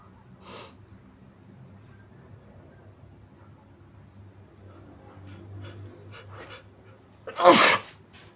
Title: muffled big sneezes & wet sniffles